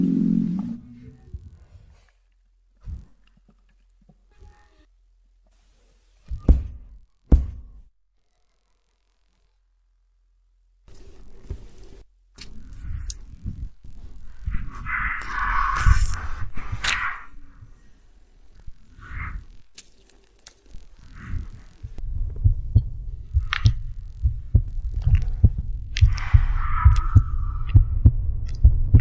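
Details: Low rumbles and bubbling gurgles of stomach growling (borborygmi), with a quiet pause partway through.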